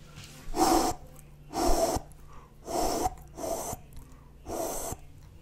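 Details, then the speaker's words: Vocal imitation, not a real recording: whooshing holosystolic murmurs of mitral regurgitation with a premature beat; the beat after the compensatory pause stays equally loud, no change in intensity, unlike aortic stenosis. "here's what you hear with a premature beat in mitral regurgitation"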